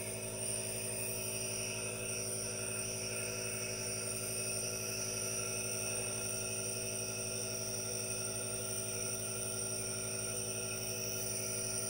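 Steady mechanical hum with a hissing, whining drone throughout; a nebulizer running continuously.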